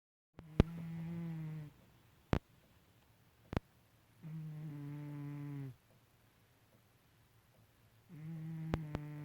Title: My cat Ronnie snoring loudly